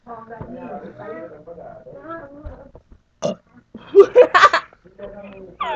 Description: We're bored! So I started burping and she got mad, lmao!